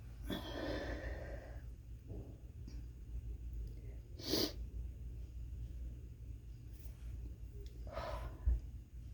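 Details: A person in an office stifling a quick sneezing fit, part of sneezing all day that they put down to the office air: three muffled sneezes over about nine seconds, each a brief sharp burst.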